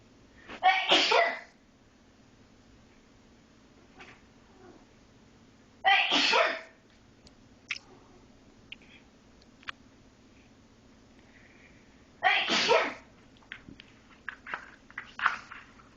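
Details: Three forceful sneezes about six seconds apart from a woman (sister) in a quiet room, with small rustles between them; repeated sneezing.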